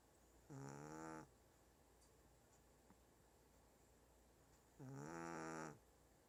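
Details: 1-year-old Shih Tzu snoring loudly.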